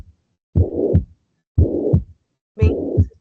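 Three heartbeats at about 58 a minute, each with a blowing murmur filling systole between the first and second sounds; mitral regurgitation.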